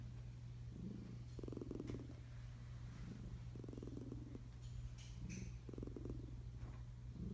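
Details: Tiger-striped cat sleeping under a blanket and snoring: soft, rhythmic rattling breaths with a purr-like buzz over a steady background hum.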